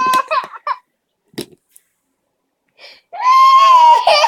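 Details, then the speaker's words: A baby girl about nine months old (turning one in three months) makes short whiny cry sounds, then a sustained wail; the caregiver calls it a fake cry, not distress. "oh I stopped carling over on me honey don't fake cries I don't mean to fake"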